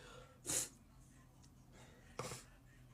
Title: Cutie with allergies 🤧 #sneezes #allergyseason